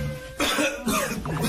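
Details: An adult man gives two short, sharp cough bursts followed by a brief voiced sound.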